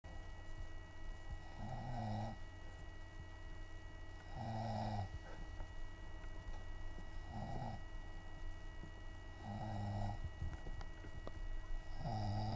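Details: A person snoring through the whole night, with low, rattling snores on each breath, about 12 a minute, over a steady background hum; snoring.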